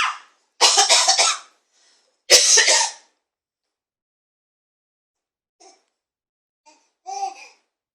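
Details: A child gives two strong, harsh coughs, followed by a few faint voiced sounds.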